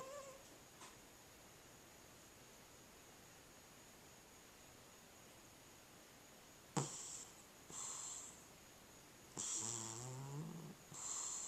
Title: Cat Snoring